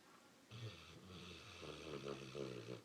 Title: Snoring great Pyr Hannah